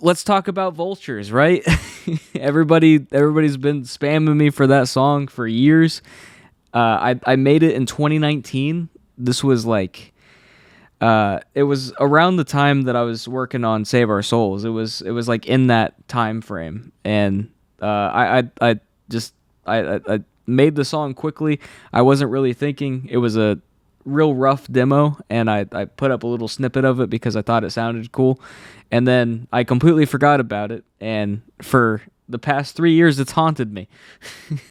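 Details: Adult man who has stuttered all his life since childhood, saw a specialist as a child, and says anxiety worsens it; stutters are left unedited here.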